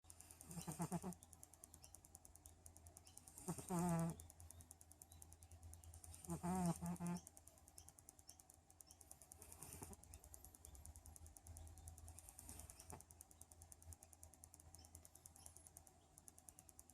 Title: Cat snoring.😭